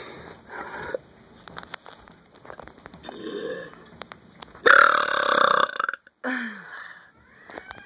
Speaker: so today I'm going to do what I like to call my satanic burps you'll see what I mean